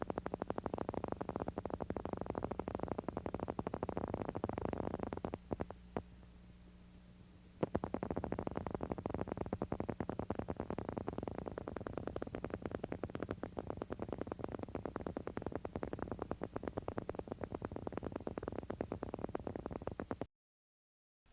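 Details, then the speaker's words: Needle EMG: motor unit potentials with varying amplitude, heard as rapid repetitive crackling firing whose loudness rises and falls from discharge to discharge. This is characteristic of neuromuscular transmission disorders and is also seen in reinnervation after nerve injury and rapidly progressing ALS. "While mups with varying amplitude are characteristic of neuromuscular transmission disorders, they can also be seen in neurogenic disorders. The best examples are reinervation after nerve injury and rapidly progressing amotrophic lateral sclerosis."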